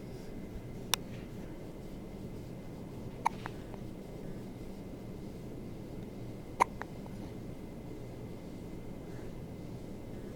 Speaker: now present to you baby hiccups.